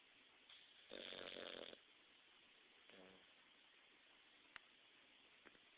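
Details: A pug snoring in a quiet room: one loud rattling snore on an in-breath and a fainter one after it; the snoring woke the owner.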